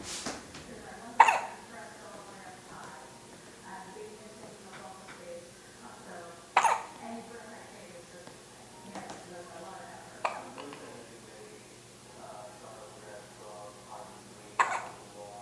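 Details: Baby boy held over an adult's shoulder: four sharp hiccup jolts several seconds apart, about 11 a minute, with soft background voice sounds; hiccups.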